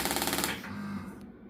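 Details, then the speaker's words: Radial shockwave therapy device (compressed-air hand piece driving a metal bullet against a transmitter head) turned up in intensity for a plantar fasciitis foot pain demonstration: rapid, hard mechanical tapping at higher intensity. "now this hand piece itself is designed to be able to control two things one is how fast that metal bullet goes up and down and hits that transmitter head and how hard it hits against that"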